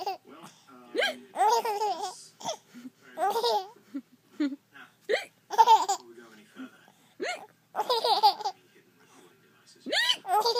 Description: He couldn't stop laughing at my hiccups.